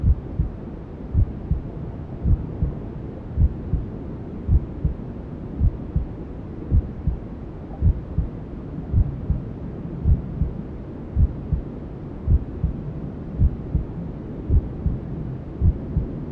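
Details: Newborn-sleep ASMR simulating womb sounds: steady soft low thumps at about 54 a minute under a constant rushing hiss of white noise, resembling a mother's heartbeat heard from the womb.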